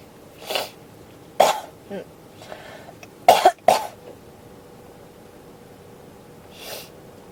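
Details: Five to six short dry coughs including a quick double cough, with a faint throat clear; persistent cough that won't stop, tagged with pneumonia.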